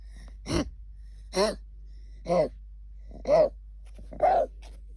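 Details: English Cocker Spaniel puppy with kennel cough, since cured, gives five short, honking, voiced coughs about a second apart.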